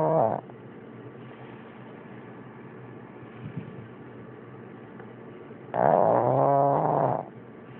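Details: Heavy power-snoring: loud, rumbling, throaty snores on slow breaths with quiet pauses and low background hum.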